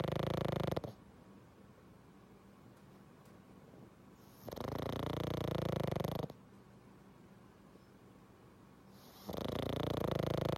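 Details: Female pug asleep during a Sunday nap: loud, rough snores on each breath in, about every four to five seconds, with quiet pauses between; heavy snoring.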